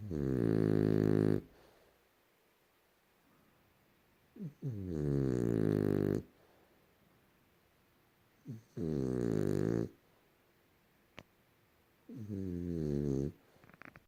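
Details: Snoring from a napping rescue French Bulldog, female, about a year and a half old: loud rumbling snores, about 17 a minute, each over a second long, some preceded by a brief snort, with quiet pauses between.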